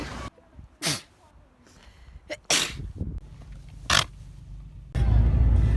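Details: Three sharp, genuine sneezes in quick succession from a person while travelling, with faint music and room noise in the background; sneezing.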